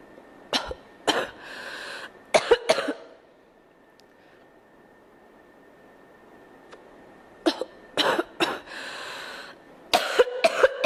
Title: Girl Coughing 362